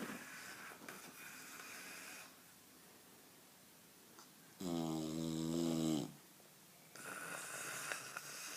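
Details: Very tired bulldog asleep on his back with mouth open: noisy, rasping breaths with one loud, drawn-out snore in the middle; snoring.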